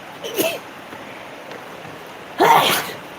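Two sneezes about two seconds apart, the second louder, in a sneezing fit from allergy.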